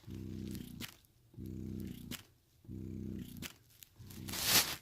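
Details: Spectra S2 electric breast pump running in suction-rhythm cycling: rhythmic low humming suction phases, each ending in a soft click and release, repeating about every 1.3 seconds.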